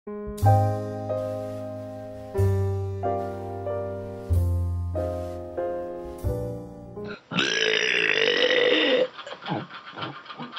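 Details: Person deliberately burping: piano music, then one long, loud, rumbling burp of about two seconds, followed by a few short grunting sounds.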